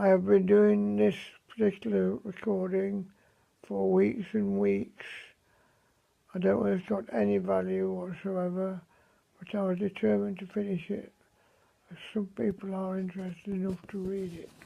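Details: Man with dysarthria after a stroke at the beginning of May; voice severely affected and mobility very limited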